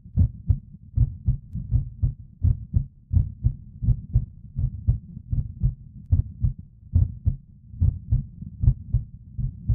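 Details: Normal human heart sounds: steady low heartbeat thumps in paired beats at roughly 79 a minute, a normal-sounding rhythm.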